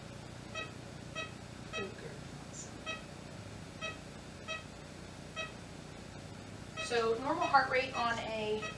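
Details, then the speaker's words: An ECG monitor beeps with each heartbeat while the calm patient is restrained by her owner, with the monitor alarms turned off; a normal, nice slow heart rate. "she's got a nice slow heart rate she's nice and calm"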